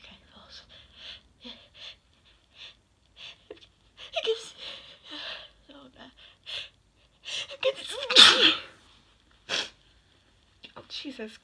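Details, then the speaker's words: Sneeze from a 21-year-old triggered by a Q-tip in the nose, described as more intense this time: soft breaths and quiet voice sounds build to one forceful sneeze, followed by another sharp burst. "wow this is intense I'm I'm using a q-tip this time and it seems to be more intensive"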